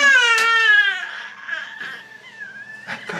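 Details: 3-month-old baby boy at his 3-month checkup getting vaccination injections in the arm (left arm first, several shots): loud high-pitched wailing cry fading into whimpering sobs.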